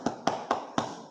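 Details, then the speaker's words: Chest physiotherapy percussion demonstration contrasting cupped hand with flat-hand slap (incorrect technique): four sharp, flat slapping claps instead of the hollow thud of a cupped hand. "एक होती है cup cup का sound होता है ये और एक होता है थप्पर थप्पर का साउंड ये होता है ठीक है थप्पड़ नहीं मारना"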